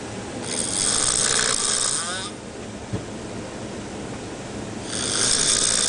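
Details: An adult sleeping on a boat in the middle of the ocean gives two long, harsh snoring breaths over steady wind and water noise.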